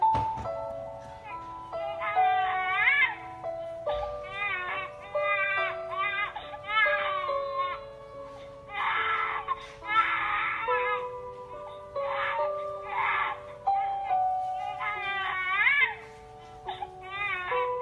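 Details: Bursts of high, wavering infant crying over a steady musical melody, used to demonstrate baby cry detection by voice recognition.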